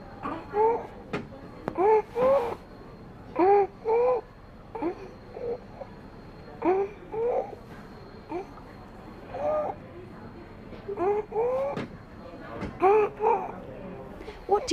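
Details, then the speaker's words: A child in an IMCI training exercise makes a harsh noise when breathing in, which is inspiratory stridor. "we heard a harsh noise when petty was breathing in therefore we decided that petty does have stridor"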